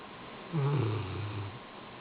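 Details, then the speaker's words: A Rottweiler sleeping and snoring: a single deep, rumbling snore lasting about a second over a steady room hum. "Roman. Roman. You were snoring."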